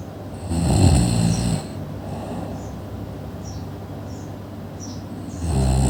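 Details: Sleeping person: loud, rough snores separated by a quieter pause, with faint chirping in the background; ordinary snoring.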